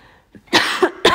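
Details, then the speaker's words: Adult woman coughing on starting to talk after two days without coughing: a short burst of two or three dry, harsh coughs in a quiet room. "Pardon. J'ai pas du tout toussé pendant 2 jours et il suffit que je pose ma voix pour que je me mette à tousser. C'est dingue."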